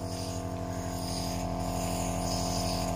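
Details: A steady, loud motor hum with a fast buzzing pulse; a nebulizer compressor running normally.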